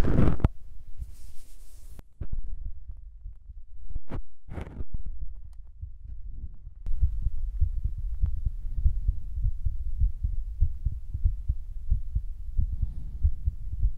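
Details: Own heartbeat recorded for ASMR, described as unexpectedly fast; soft, steady low thumps after some handling noise at the start, regular and normal-sounding.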